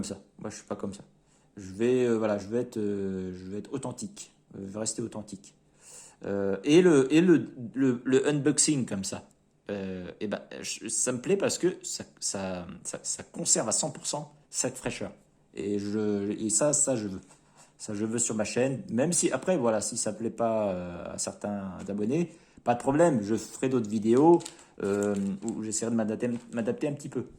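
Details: Adult man speaking French unscripted, who says he stutters a little and that it can be heard when he speaks unscripted; stuttering.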